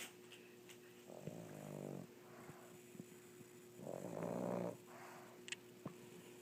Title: Adorable snoring pug